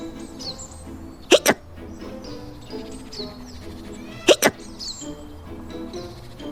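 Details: Cartoon hiccup sound effect: two pairs of quick hiccup bursts about three seconds apart over background music, from the animated character Zoe, who can't stop hiccupping.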